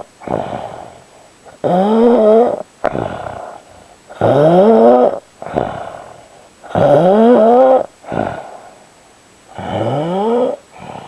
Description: Hubby snoring